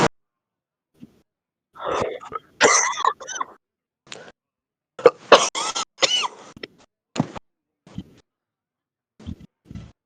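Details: Several bursts of harsh, wet, deep chesty coughing and throat clearing from an adult heavy smoker, separated by short pauses; real smoker's cough.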